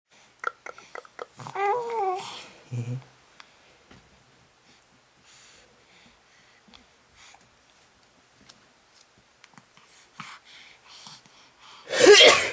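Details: 4-month-old baby startled by a sneeze: soft babbling and quiet sounds, then one sudden loud sneeze at the end.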